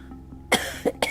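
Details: A few short, harsh coughs in quick succession: persistent cough and pain in a 68-year-old woman after lung cancer surgery that removed part of her lung.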